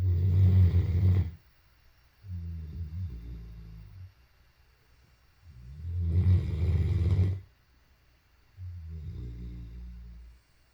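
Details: Great Dane, tagged as a tired puppy, snoring: deep, rumbling snores alternating with softer breaths out, about six breaths a minute.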